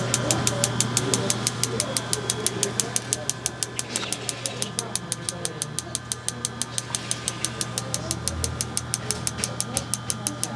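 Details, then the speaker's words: Rapid regular sharp clicks, about 180 a minute, over a low hum: focused shockwave therapy device firing pulses, in a chiropractic clinic. "okay so that was our two areas of focused Shockwave treatment um once again we were blasting the wrist"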